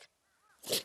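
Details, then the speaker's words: Dog sneezing repeatedly after sleeping outdoors overnight in winter; owner notes it doesn't sneeze while playing and wonders why. "뭐 동구야 제 책이 힘들잖아이 놀 때는 안 하는데 왜 그러지"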